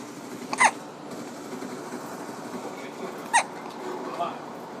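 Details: Infant with hiccups while his father plays a video game: two brief, sharp hiccup sounds a few seconds apart over room noise and faint game sounds; infant hiccups.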